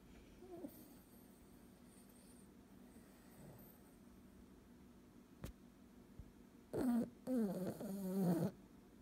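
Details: A small puppy snores loudly: a quiet room, then two rough, rattling snoring breaths close together near the end.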